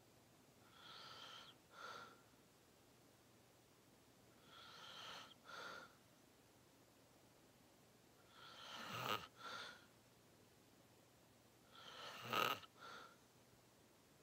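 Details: Loud snoring during a long deep nap: slow breaths about 18 a minute, each with a raspy, snorting inward sound and a short puff out.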